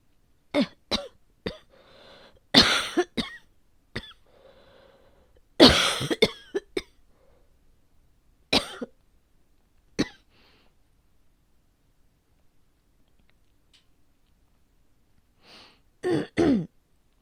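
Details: Short, dry coughs in scattered runs with quiet gaps from an adult with asthma that had been controlled but may be flaring today at the change of season; the cough is possibly asthma-related.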